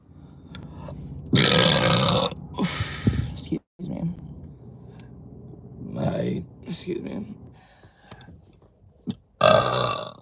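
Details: Several loud, deep, drawn-out belches from a woman with brief "excuse me" speech between them; repeated uncontrollable deep burping.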